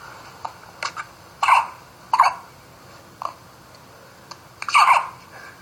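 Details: Two babies hiccup: repeated sudden hiccup sounds, some sharp and some fuller, at irregular intervals in a quiet room.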